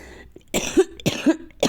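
Three short, sharp cough bursts from an adult, acted rather than a true illness cough.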